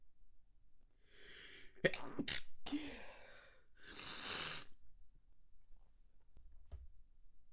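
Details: Adult in quiet room, manually induced with extra-sensitive triggers, breathes in sharply then several forced, partly held-back sneezes: stifled sneezes.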